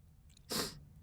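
A single sharp adult sneeze, a brief hissing burst that quickly fades, in a quiet room.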